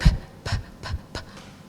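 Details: Speech and language expert imitating sound repetitions, a type of stuttering, on a single word; stuttering sound repetition (imitated).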